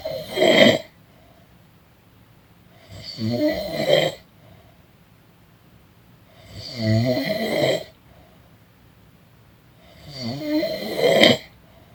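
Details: Person snoring during a nap: regular rattling snores, about 17 a minute, with quiet pauses in a quiet room; ordinary snoring.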